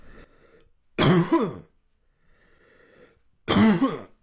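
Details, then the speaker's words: Throat clearing by an adult man with muscle tension dysphonia (diagnosed 2022–2023), done while massaging a tender throat area during tension-release exercises; he describes gentle throat clearing and coughing as signs of tension release. "I'm going to try to find the tender area for me here and clearing the throat in this way that you heard. That's actually a sign of a lot of release."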